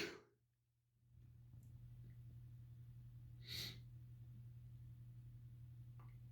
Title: Big buildup sneezes (M)